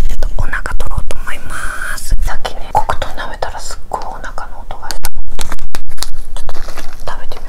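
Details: Woman's stomach rumbling before bed during a 7-day fast: borborygmi, bowel sounds.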